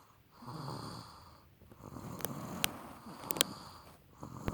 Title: Snoring